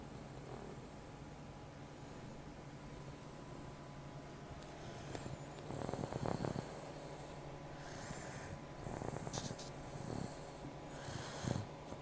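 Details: Meo, a cat, sleeping and snoring: soft, low snuffling snores against a steady room hum.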